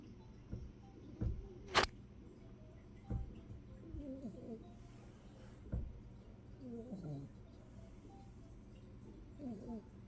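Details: A sleeping corgi puppy snoring: soft, low snorts at irregular intervals with faint squeaky, whistling sounds in between.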